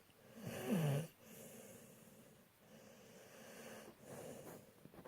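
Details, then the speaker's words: A loud snorting inhalation, then softer rough snoring breaths with low fluttering noise, from a female pit bull; snoring. "You stop snoring all of a sudden? I can snore even when I'm awake. Especially when I'm on Mama's lap. My little Pibble princess who snores."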